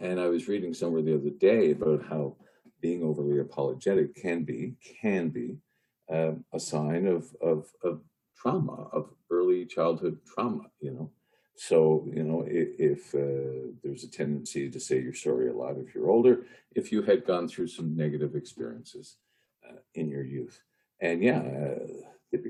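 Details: Adult man with a lifelong stutter, long hidden through his life and career, with audible repetitions; stuttering.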